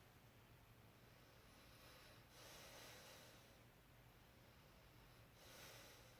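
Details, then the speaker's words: Stethoscope over the posterior chest of a patient taking deep breaths in and out on request: slow, deep breaths with soft airy hiss, clear with no wheezing, rhonchi or crackles; normal breath sounds. "so every time I'm with my stethoscope I want you to take a deep breath in and out"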